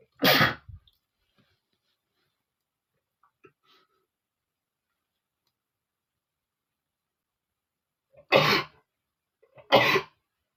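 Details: Male sneezing, said to be set off by flowers irritating his nose: three sharp, explosive sneezes, the last two close together, with quiet in between.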